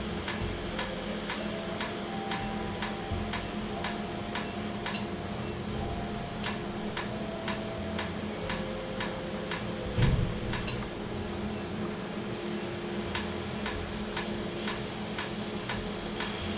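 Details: Laser tattoo removal after 30–45 minutes of numbing, with cooling air applied; patient says it feels like repeated injections: rapid sharp ticking pulses over steady machine hum.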